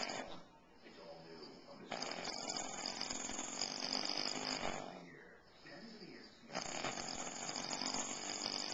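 Loud, harsh, rattling breath noises in long bursts with short quieter gaps; heavy snoring.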